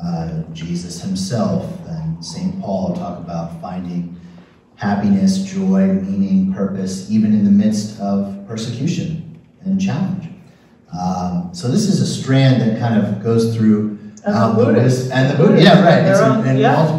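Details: Adult man speaking; normal speech.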